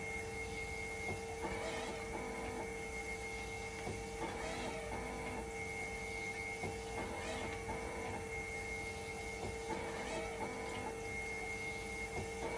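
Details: Hemodialysis machine under test for a failing 5-volt level detector, waiting for conductivity and temperature to stabilize, conductivity slow to drop: steady hum, constant tone, and a double pump or valve cycle about every 3 seconds.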